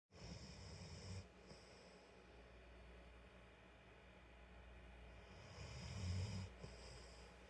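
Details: Shelter dog napping on a couch: soft, low, gentle snoring over a steady background hum; harmless sleep snoring.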